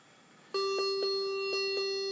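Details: Steady electronic alarm tone with faint repeating pulses from a Maquet Servo-i ventilator in pressure support mode on a test lung, sounding after pressure support was lowered to 5 and tidal volume dropped; out-of-range ventilator alarm.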